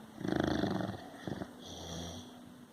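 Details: Snoring in a large six-month-old male dog: a rough, rumbling snore on the in-breath followed by a softer out-breath.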